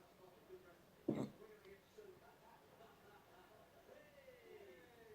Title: hiccups 6